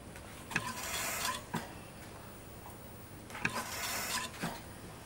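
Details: Sound-effect ventilator recording, not a patient: two rhythmic whooshes of delivered air, each opened and closed by a mechanical click, about 20 cycles a minute, mechanical ventilator.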